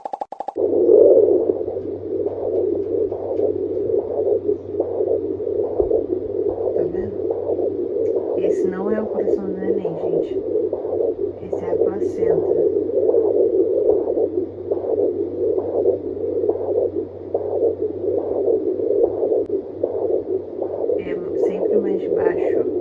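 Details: Fetal heartbeat at about 19 weeks 3 days, recorded at home with a handheld fetal Doppler: a fast, regular galloping whoosh; the mother found it very fast; fetal heartbeat.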